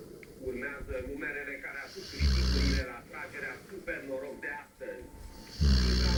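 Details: Rottweiler sleeping and snoring like a pig: loud, deep, snorting snores with softer snuffling breaths between them.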